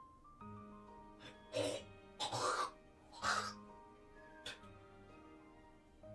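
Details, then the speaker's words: Adult streamer who is still unwell, coughing hard away from the microphone ("coughing my lungs out"), captured during a livestream when the mic failed to mute. "Don't mind me. I was just coughing my lungs out."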